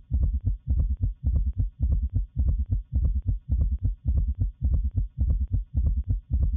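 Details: Teaching recording: regular heartbeat near 107 per minute with a loud added diastolic sound forming a three-beat gallop, summation gallop, as with a prolonged PR interval.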